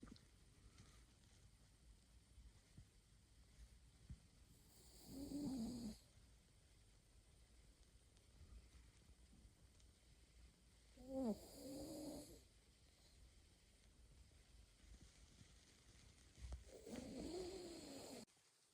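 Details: Three slow snorting snores, about ten a minute, from a pug napping in a quiet room; ordinary sleeping snoring in a flat-faced dog.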